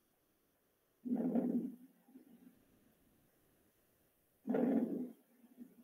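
Two soft, low breath cycles, about 18 a minute, with a louder inspiration and a faint, short expiration, slightly harsh: normal vesicular breath sounds.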